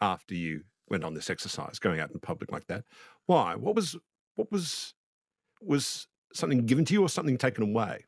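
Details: Adult male speaker; no speech disorder.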